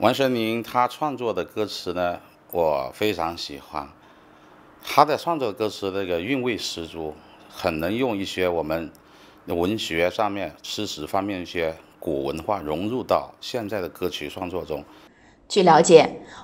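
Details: Adult man speaking Mandarin; typical speech.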